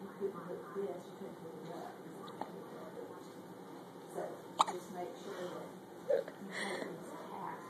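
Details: A baby with hiccups: a few short, sharp hiccup sounds at irregular spacing, with quiet adult talk and room noise in the background.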